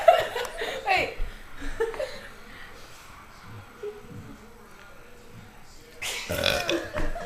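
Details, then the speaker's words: Loud deliberate belches at the start and end, with laughter and chatter between, during a group burping contest; burping. "I think she just burped up stool I really can't I think she just burped up stool"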